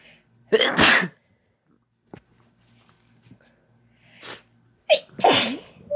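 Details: Two sharp, explosive adult sneezes induced by chhinkni sneeze powder (couple sneezing), each preceded by a quick intake of breath.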